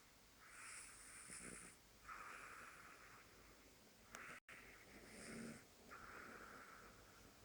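Soft, rasping breaths go in and out with a faint whistle on some of them, over quiet room hiss. A cat's light snoring.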